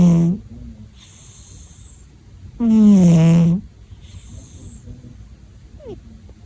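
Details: Snoring of a sleeper called "beta" (son or little one): two short, voiced, groaning snores with quiet breathing between them.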